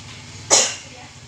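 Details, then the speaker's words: Effective-cough exercise demonstration by a nursing student: after 3–5 deep breaths with the last held 1–2 seconds, a single forceful voluntary cough with open airway to clear phlegm. "Nah, yang ketiga, segera Anda lakukan batuk spontan. Pastikan rongga pernafasan terbuka dan tidak hanya batuk dan mengandalkan kekuatan tenggorokan saja, karena bisa melukai tenggorokan."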